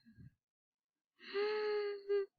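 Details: Adult woman with biphasic stridor, indicating obstruction at the glottis, subglottis or cervical trachea: harsh, high-pitched musical breath noise with a sustained tone and a brief second one.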